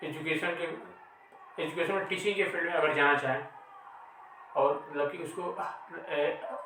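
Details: Real stuttering in an adult male host who stammers.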